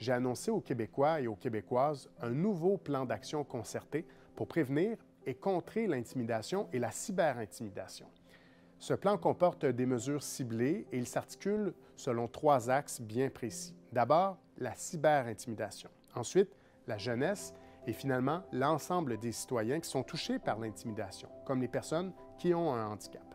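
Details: Adult male speaker; normal speech.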